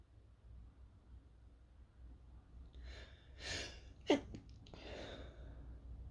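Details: Sneezing set off by fumes from toasting chili peppers, with a sore throat, trying to stifle: quiet room, a soft indrawn breath, then one sharp, partly stifled sneeze followed by breathy exhales.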